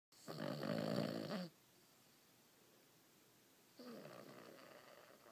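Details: Sleeping Cavalier King Charles Spaniel dog snoring: two rough, fluttering breathing noises, each about a second long, separated by a quiet pause.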